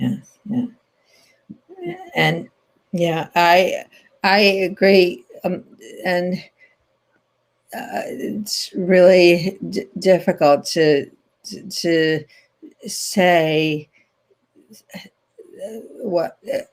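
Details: Adult woman with post-stroke language impairment after a stroke in 2010, in ongoing rehabilitation therapy, speaking naturally in an interview; aphasia.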